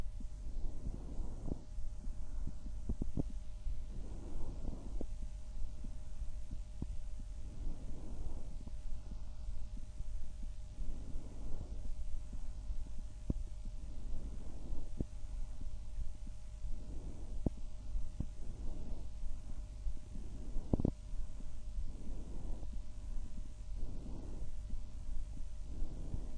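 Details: Self-recorded stethoscope auscultation of an adult chest from one of six sites: steady heartbeats with soft, regular breaths at about 17 a minute; normal heart and breath sounds.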